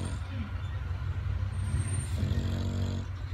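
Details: English Bulldog snoring while awake: continuous deep, rumbling snort-like breathing noise from a flat-faced dog.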